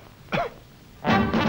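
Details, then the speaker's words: An adult gives an acted cough in a student-made cough drop commercial: a brief voiced throat sound, then two harsh, forceful bursts, with faint music behind. "specially formulated to relieve coughs due to colds coughing can make the throat raw dry raspy"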